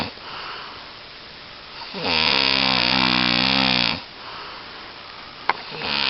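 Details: Person snoring again, keeping the recorder awake: a single loud, buzzy, vibrating breath lasting about two seconds over quiet room noise.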